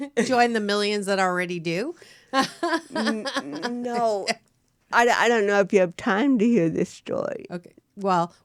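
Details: Woman (actress) with cerebral palsy, real, unacted speech in a studio interview; dysarthria (cerebral palsy).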